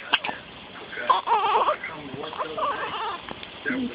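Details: Infant cry from a baby with hiccups for the first time since birth: short, fussy bursts of crying and whimpering, with a quiet room behind.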